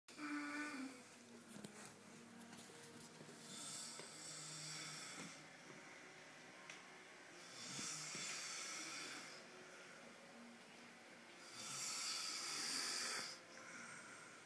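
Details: Adult man snoring in sleep: harsh, hissing breath sounds recur about every four seconds, roughly 15 a minute, in a quiet room.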